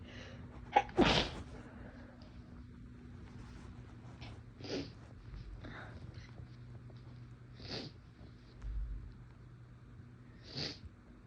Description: some induced sneezes, my nose felt a little tickly, had to try to stifle a little at one point but it didnt work out the best